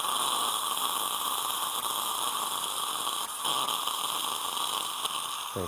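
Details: Live single-tooth dental implant surgery on an adult male patient, second round of drilling: the steady high whine and hiss of the implant drill running with heavy water irrigation.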